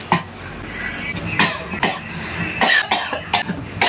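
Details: About eight short, dry coughs in quick succession over a noisy background; acted repeated coughing, with the caption asking why the boy keeps coughing.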